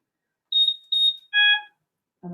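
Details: Trilogy Evo ventilator switched on during a CPAP setup demonstration with wall oxygen connected: two short high beeps followed by a lower chime, the normal start-up tones.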